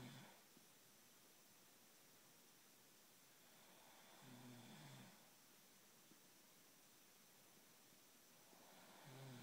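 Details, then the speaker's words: Person snoring in a quiet room, keeping a bed partner awake: low rumbling snores spaced several seconds apart; ordinary snoring. "This is what you sound like, and I cannot fall asleep."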